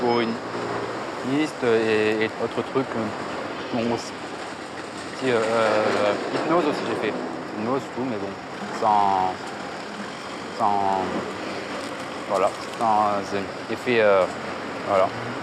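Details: Male speaker with severe stuttering since age 4, buying a baguette; stuttering.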